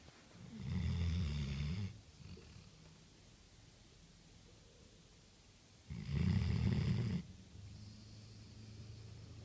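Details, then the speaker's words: Sleeping dog snoring: two deep, rumbling snores on the in-breath with quieter breathing between, roughly one snore every five to six seconds. "busted, snoring away. Go back to sleep."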